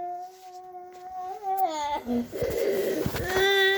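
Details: A child's high-pitched, strained crying and harsh, noisy breathing. This is stridor from croup (acute laryngitis), with the airway narrowed by swelling in the voice box and breathing difficulty.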